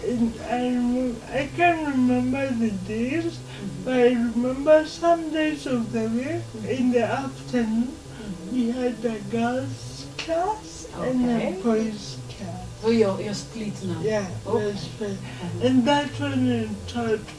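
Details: Dysarthria in a 27-year-old woman who has lived all her life with cerebral palsy.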